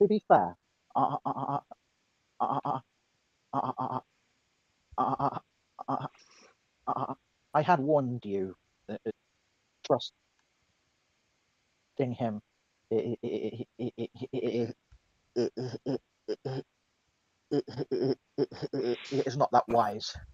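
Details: Stuttering in a woman who says she is mocked for her stutter; it is described as her speech impediment.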